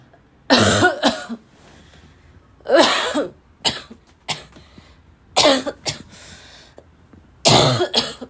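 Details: Harsh, forceful barking cough with choking, in bursts of one to three, about six bouts over eight seconds with brief quiet gaps.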